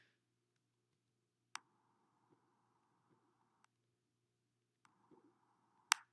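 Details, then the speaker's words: Phase 1 Korotkoff sounds during blood pressure measurement: sharp, faint high-pitched tapping over near silence; their onset marks systolic pressure. "And here you will hear the sounds of the first Korotkoff sounds, high pitch. It means very large amplitude."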